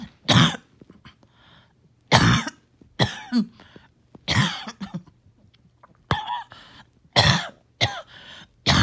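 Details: About eight harsh coughs in repeated bursts with strained breaths between over roughly nine seconds; back-to-back morning coughing fits that leave the person winded.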